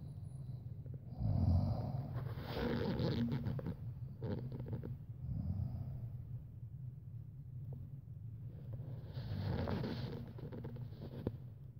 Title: Snore or heavy breathing